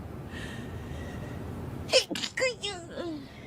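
A soft voice, then a sharp burst with a short vocal tail and a few following bursts, fitting a sneeze fit during a stream.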